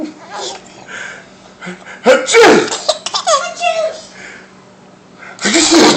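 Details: Two sharp explosive sneeze bursts from a father and a sister, with a young child's giggling between them; ordinary sneezing.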